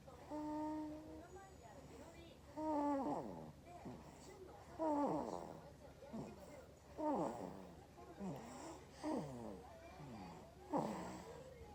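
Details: Two-month-old baby snoring while asleep: soft, rhythmic snorting and vocal snoring about every two seconds, with low room hum; infant snoring.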